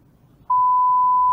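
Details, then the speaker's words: Simulated pure-tone hearing test tone played through headphones on a newborn, steady clean mid-pitched beep starting abruptly after quiet; response cannot be judged this way in newborns, illustrating the need for ABR/ASSR. "소리를 들려줍니다. 들었는지 못 들었는지를 알 수가 없습니다."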